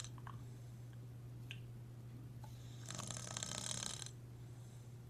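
A single rough, fluttering snore lasting about a second over a steady low hum and faint room sounds. Snoring.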